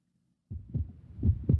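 Low, soft thumps of an adult heartbeat through a stethoscope, the ordinary lub-dub of healthy heart sounds.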